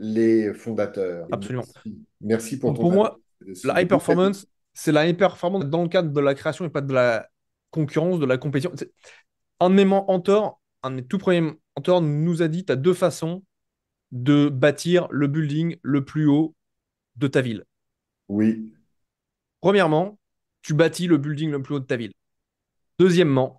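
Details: Adult man who says he has a stutter listeners may hear, though he gives conferences to hundreds of people; stuttering.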